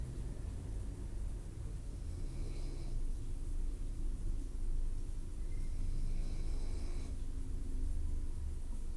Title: Mother snoring like a truck